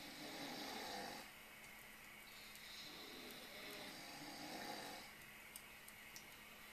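Two hissing, airy snoring breaths over a steady background hum.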